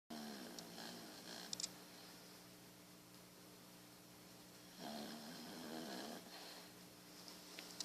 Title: Snoring Beagle